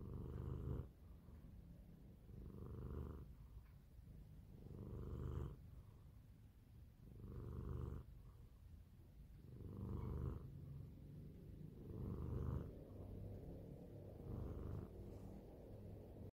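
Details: Cat snoring steadily, with low rumbling noises repeating about 25 times a minute with each breath.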